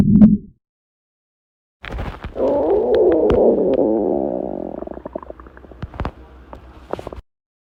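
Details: Short low gurgle, then a long rolling growl breaking into bubbling pops from a person's stomach; normal stomach growling, borborygmi.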